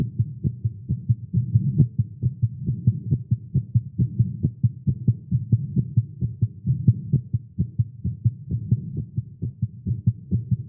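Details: Male heartbeat recorded during exercise after caffeine: rapid low thumping, roughly 130 beats a minute, with some unevenness, a fast heartbeat.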